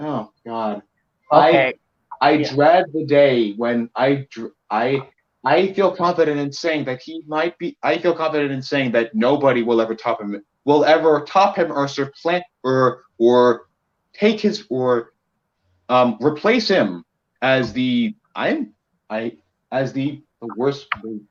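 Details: Male podcast co-host who reports having a bit of a speech impediment, type not specified; speech disfluency (speech impediment).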